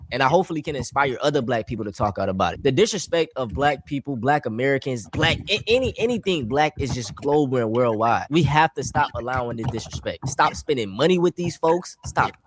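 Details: Adult man speaking; Ordinary speech.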